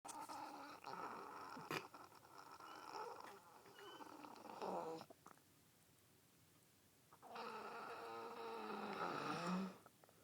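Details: Snoring in bed, described as a girlfriend: soft, fluttering snores on two breaths in about ten seconds with a quiet pause between; ordinary sleep snoring.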